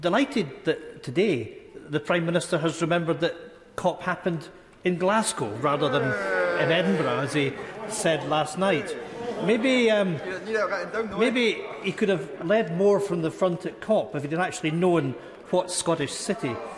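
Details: Adult man speaking in a large chamber; Normal voice.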